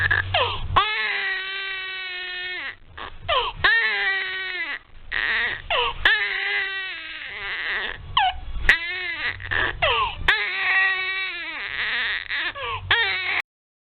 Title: Baby Crying Sounds Sound Effect